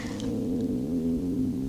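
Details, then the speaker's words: Stomach growling in an adult who says they have been losing weight and not eating: irregular gurgling sounds from the belly. "Do you hear that guys? That's my stomach."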